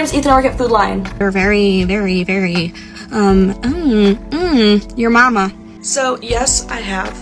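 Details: Tourette syndrome vocal tics, including rhyming word-chain and obscene tics, in a young woman diagnosed at the Mayo Clinic at 18 and 19 at one point. The compilation traces tic progression, with background music.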